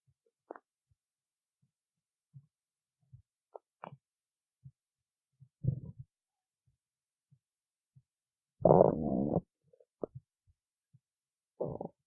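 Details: Scattered soft gurgles and clicks with one louder drawn-out rumble; stomach growling (borborygmi).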